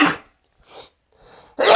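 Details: A man sneezing in an outtake from a comedy sketch about complaining husbands: short indrawn breaths, then a single sharp, explosive sneeze.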